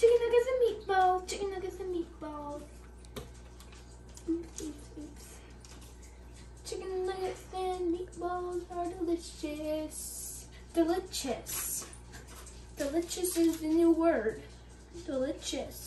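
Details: Vocal tics of Tourette syndrome in a male creator during cooking, on what he calls one of his harder days, with repeated phrases.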